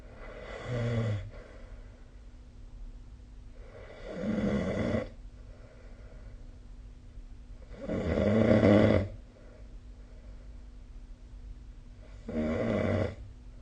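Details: Snoring recorded with the SnoreLab phone app: rough, rattling snores on each inhaled breath, about four in thirteen seconds, with quieter breathing between them over a steady low room hum.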